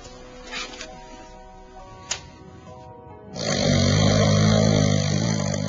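Loud, rough, rumbling snore breaths under background music; snoring.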